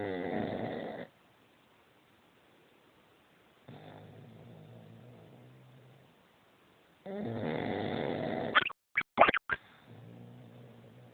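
Rough, rattling snores on breathing cycles separated by quiet pauses, with a few sharp snorts; loud snoring.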